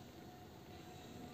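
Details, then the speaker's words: Fresenius Kabi Agilia VP volumetric infusion pump, patient disconnected, bolus button held to prime the IV set until no air bubbles remain: steady low mechanical whirring of the pump motor running continuously during priming. "So what we'll do, we will press the bolus button, and you can see the drips here, and also the set is being primed. So we will prime it until there are no air bubbles"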